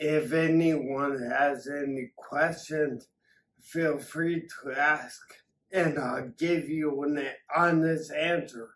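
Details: Adult man with acquired ataxia from several strokes damaging the cerebellum, affecting coordination, balance and speech; ataxic dysarthria.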